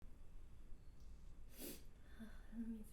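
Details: A single short, forceful sneeze from a model, recorded with permission, over a low, steady room hum.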